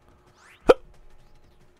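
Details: A single sharp, abrupt hiccup from an adult man recording himself, with a brief click-like onset and quiet background; he has the hiccups while recording.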